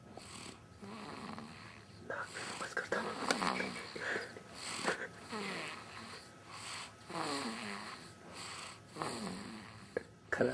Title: Snoring